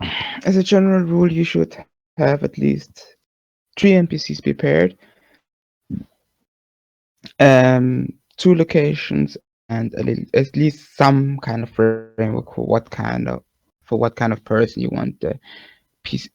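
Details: Adult man speaking; typical adult speech.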